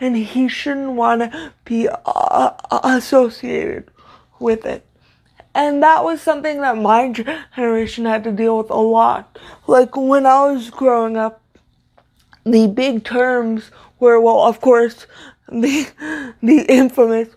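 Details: Stuttering (disfluent speech) in a woman with cerebral palsy, a neuromuscular disorder she says affects motor control including speech; her stutter worsens when reading aloud; here spontaneous speech.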